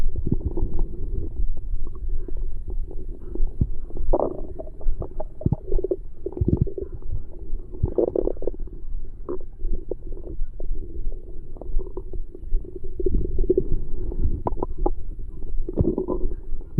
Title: Stomach growl. Dinner’s done!